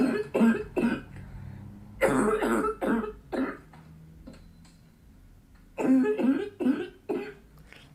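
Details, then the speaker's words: Imitated harsh, hoarse, barking cough in repeated bursts, demonstrating the barking cough of laryngitis (croup), attributed to swelling of the vocal cords causing hoarseness; symptoms are said to ease with cold air or humidity. "이렇게 지침으로 하면 컹컹 개 짖는 소리가 납니다"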